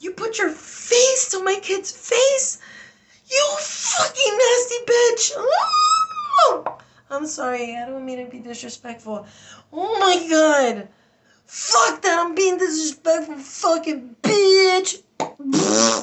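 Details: Adult woman with Tourette syndrome, stress-aggravated, with involuntary interjections, swearing and repeated words while recounting a stressful event; vocal tics with coprolalia.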